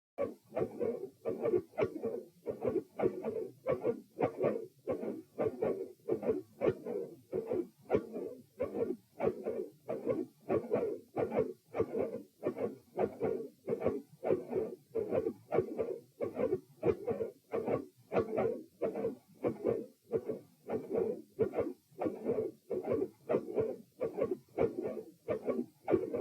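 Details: Heart sounds recorded at position P with the patient supine, played in slow motion: regular beats with both S1 and S2 heard as close doubled sounds, giving four sounds per cycle; split S1 and split S2.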